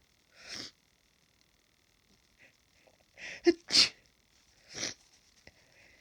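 Several sharp, hissing nasal bursts with sniffs between them, about four sneezes in a few seconds, as with an allergic reaction to pollen.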